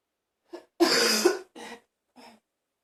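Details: Person in a bathroom, feeling like throwing up: a harsh, forceful cough burst followed by short retching, gagging sounds in a small room.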